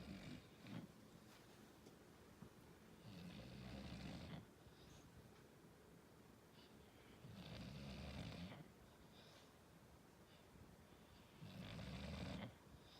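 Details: English Bulldog snoring: slow, rough snoring on each breath, about 16 breaths a minute, with quiet gaps; dog's snore.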